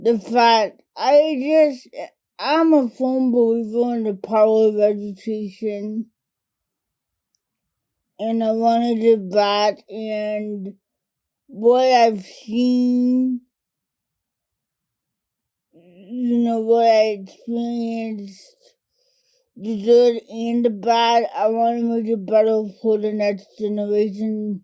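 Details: adult woman diagnosed with cerebral palsy as a toddler, which primarily affects her speech and fine motor skills; dysarthria (cerebral palsy)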